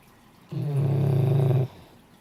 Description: Our female Great Dane snoring